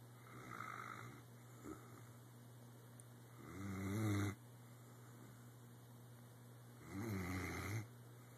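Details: Weimaraner dog snoring during sleep: low rumbling snores, louder on some breaths, with a steady hum in the room.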